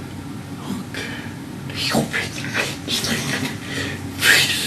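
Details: Male patient with generalized dystonia from a THAP1 (DYT6) mutation with laryngeal involvement resembling, but not quite, abductor spasmodic dysphonia, plus extra arm movements; whispery voice in laryngeal dystonia.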